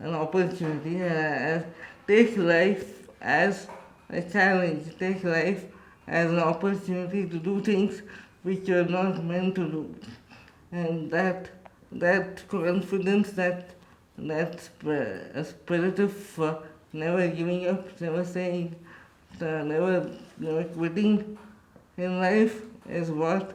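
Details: Adult man with cerebral palsy and quadriplegia speaking in his own voice; dysarthric speech in cerebral palsy.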